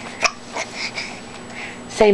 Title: gets the hiccups